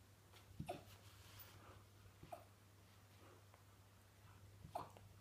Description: Here's our little alaskan malamute puppy - she ate dinner and started hiccuping - I thought it was cute.